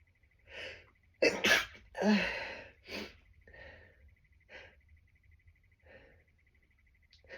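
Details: Run of about eight sneezes, a few loud and forceful, most desperately stifled and muffled, with short breaths between; stifling worsened the tickle; sneezing attributed to tree pollen allergy and worsening.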